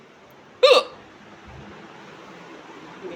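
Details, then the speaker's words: A single sudden, loud, sharp real hiccup with a voiced 'hic' from a woman, then quiet room noise; hiccup. "है जी आया पंडित जी कितना जोर से हिचकी ये मेरी रियल हिचकी एकदम जोरदार"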